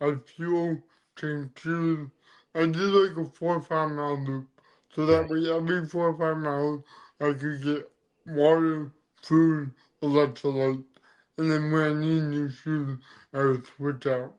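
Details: Adult man with dysarthria from cerebral palsy present since birth; he says CP affects his neck muscles, deepening his voice and making talking hard.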